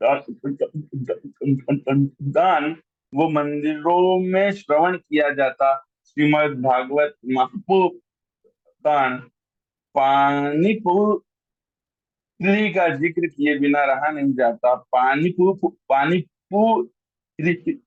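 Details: Adult man who stammers, a member of a stammering association, reciting his own poetry online, with a syllable repeated many times before a word; stuttering with syllable repetitions.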